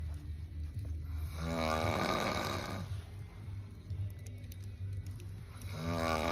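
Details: Man snoring: loud rattling snore with a long noisy breath, over a steady low room hum.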